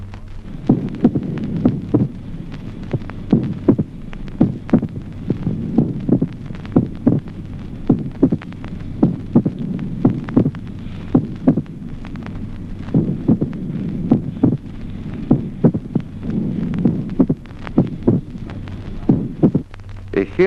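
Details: Mitral opening snap in atrial fibrillation.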